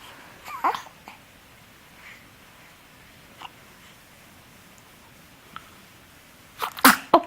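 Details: Baby sneezing: a few short, sharp bursts against a quiet room, small sneezes.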